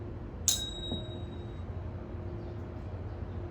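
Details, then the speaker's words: A sharp strike, then a clear ringing tuning fork tone fading over about a second, used for a Weber test during a head-to-toe assessment; the patient reports hearing it in the middle. "If you can hear it in the middle, or if there's any ear that you can hear it louder on with the sound."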